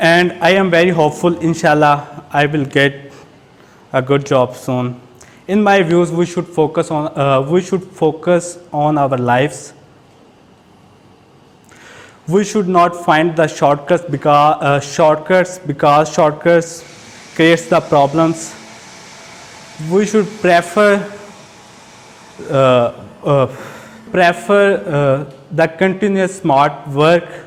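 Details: Stuttering in an adult male who reports stammering since age two, heard while giving a prepared speech at a stammering-support public-speaking session.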